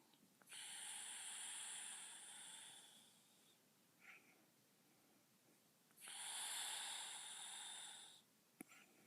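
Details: An adult woman (the uploader's mother) snoring in her sleep: two long, hissing, rasping breaths about five seconds apart with quiet pauses between.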